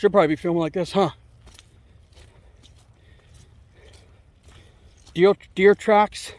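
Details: Man who says he has a mild speech impediment that can be heard; speech disfluency (sound repetition).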